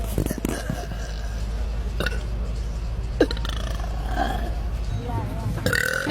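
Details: Girl belching, heard over loud background chatter and room noise.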